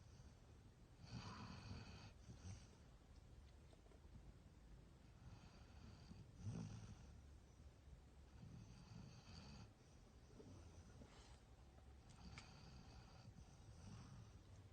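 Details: Snoring: repeated low, rattling snores with breaths about every four seconds, roughly 15 a minute; ordinary snoring.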